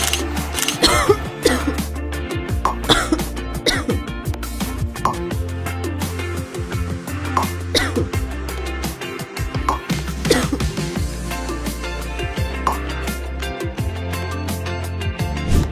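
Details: Simulated cough: several short acted coughs and throat-clearing over background music, portraying a cough lasting over two weeks that may signal tuberculosis, especially with fever, weight loss, night sweats or fatigue.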